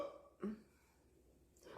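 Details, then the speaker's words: A single short, low belch in a quiet room, then near silence, followed by someone saying they feel much better; an ordinary burp. "Google oh I feel so much better I just needed to do that okay there we go okay now I'm good"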